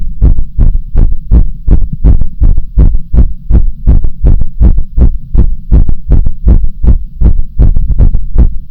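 Regular, fast, strong low thumping heartbeat, roughly 80 beats a minute if paired thumps, steady rhythm.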